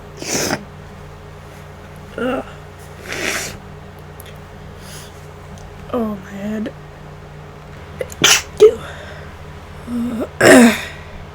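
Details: Several sharp induced sneezes with quiet breaths and sniffs between them over a low room hum, in someone sick for about five days and worsening, newly congested, unsure whether it is flu or a cold.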